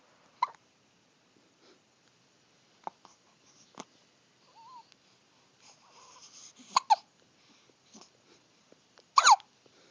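Brief, sharp catching sounds recurring irregularly in a quiet room, a pet's hiccups.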